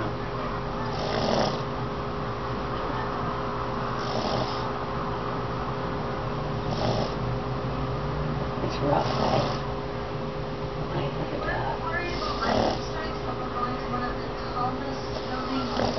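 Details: Pug snoring: soft snorting snores about every three seconds in a sleeping short-nosed dog, over steady background hum and room noise.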